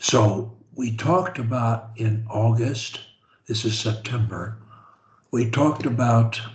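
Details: Adult man; normal speech.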